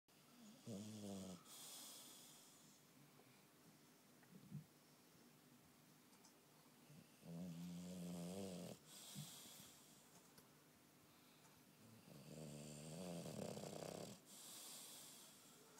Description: Bulldog snoring